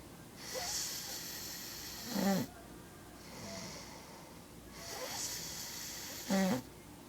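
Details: Person snoring during sleep: two breath cycles, each a long hissing inhale ending in a loud snorting snore, then a quiet exhale, about eight breaths a minute; snoring.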